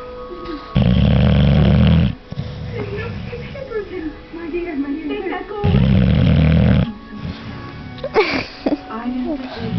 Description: My Bulldog Charlie Snoring Whilst Awake.